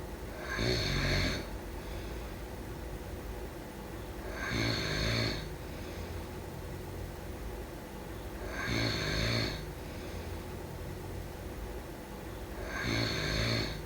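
Regular low rattling snores on each breath in, about 15 a minute, with quiet gaps between.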